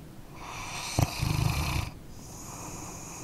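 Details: Sleeping dog, an ASMR-style recording: one short, fluttering, snort-like snore with background hiss; snoring.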